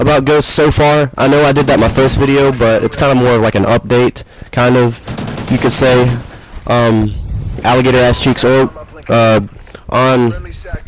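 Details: Adult male gamer with what he calls an atypical, severe Tourette's, blurting odd phrases during commentary, unmedicated for this recording; vocal tic (Tourette syndrome).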